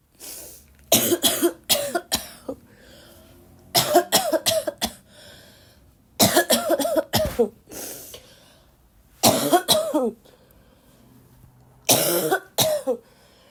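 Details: Girl still sick and coughing a lot, tagged barking cough: five fits of harsh, repeated coughing, three to four coughs each, with wheezy catching breaths between; a persistent cough.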